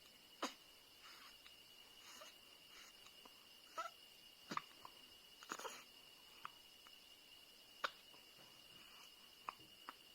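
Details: Newborn baby girl with hiccups: faint, brief, sharp hiccup sounds recurring irregularly, roughly every one to two seconds, over a steady background hum.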